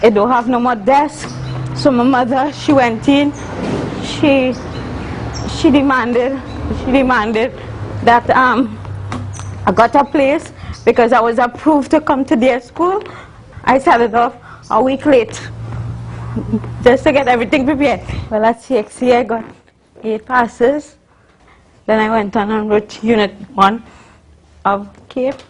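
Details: Adult woman, university student, with congenital cerebral palsy involving spasticity (stiff muscles) and athetosis (uncontrollable movements); dysarthria from cerebral palsy.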